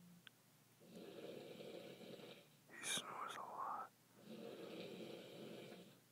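Two rough, rattling breaths in a quiet room, with a brief higher noise between them; snoring.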